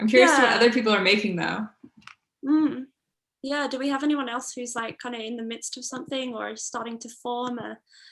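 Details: Adult woman speaking; normal speech.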